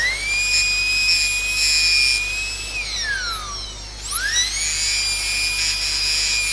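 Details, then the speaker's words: Dental drill whining at high pitch, dipping and rising as the bur, held at 45 degrees to the occlusal surface, bevels all occlusal margins of an inlay cavity preparation on a maxillary first molar. "So keep the burr at 45 degrees to the occlusal surface and just give a bevel all over the occlusal margins."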